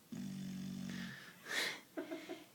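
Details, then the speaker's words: A small female puppy gives a droning, buzzing snore on the in-breath, then a breathy out-breath and short snorts; loud dog snoring, persisting despite being moved. "hey reading you're snoring kind of loud could you stop no okay"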